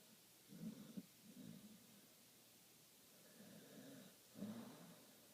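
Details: 5-year-old American bulldog–pit bull mix dog asleep and dreaming, with soft, low, faint fluttering snores on each breath at a regular rhythm; mild snoring.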